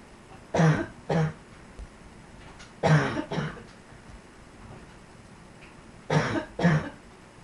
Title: Yet Another Cough